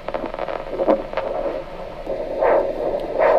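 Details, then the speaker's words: Handheld Doppler at the ankle of a diabetic patient with a plantar first-toe ulcer, before cuff inflation for a bedside ABI: pulsing whooshes of the arterial pulse signal, which persisted at 210 mmHg, suggesting non-compressible vessels. "get the Doppler signal put the cuff on start inflating no expectation would be that that pulse signal disappears"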